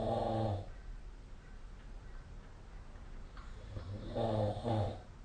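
Two loud, rough, rumbling snores separated by a quiet pause of a few seconds, with faint room noise; ordinary sleep snoring.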